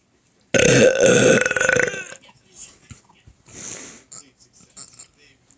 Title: More burping